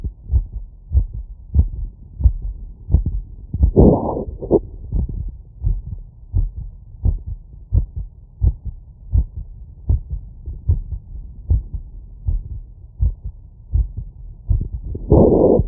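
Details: Heart sounds through a stethoscope after exercise, filtered at 20 to 1000 Hz: a fast, regular heartbeat at about 87 beats a minute, with brief rubbing noise.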